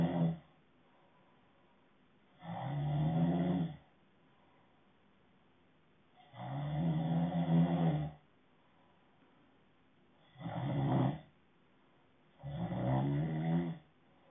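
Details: Deep, buzzing adult snores on each breath in, separated by quiet pauses, about 15 a minute.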